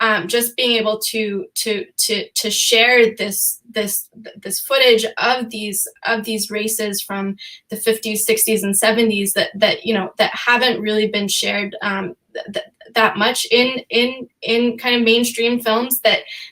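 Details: Stuttering in an adult female, real, who says she stutters sometimes, with repetitions of words and phrases, during a panel discussion.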